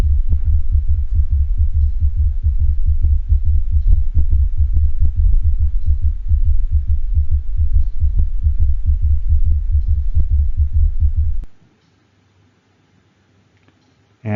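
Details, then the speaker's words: Heart sound simulator, dog: rapid heartbeat with an early-diastolic third sound forming an S3 gallop, then the gallop removed leaving plain S1 and S2. "now the heart sound simulator is going to create an s3 gallop and then we're going to take it away so that you can hear the difference between an s3 gallop and just s1 and s2"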